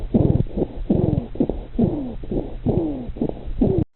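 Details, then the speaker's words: Wheeze in asthma: repeated high-pitched musical whistling tones gliding downward with each breath, presented as the key symptom of asthma from airway obstruction. "the most important symptom of amma is whis which is a characteristic highpitch whistling sound made while breathing."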